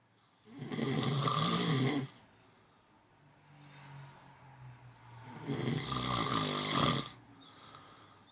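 Two loud, rattling snores on the in-breath, about five seconds apart, with quieter breathing out between them.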